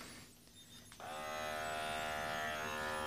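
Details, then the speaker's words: Gurin BPM-110 automatic upper-arm blood pressure monitor at home: click, then steady buzzing pump whine as the cuff inflates; cuff slightly small for the user's arm, user moving and talking; reading came back a little high. "You just simply turn it on, and you can see it lights up, and then it just pumps up the cuff, and it'll give you a reading."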